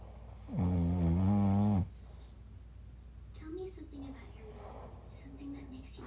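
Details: Loud, low, rattling snore lasting about a second, then quieter breathing with faint background sounds; an adult man snoring.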